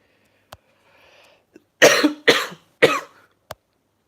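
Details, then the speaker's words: Adult with a sore throat and croaky voice: three harsh coughs in quick succession amid soft clicks and a faint breath; a short coughing bout. "I've got a bit of a sore throat I do apologize and if I found it sound a bit croaky and a bit off and don't sound very great if you know what I mean"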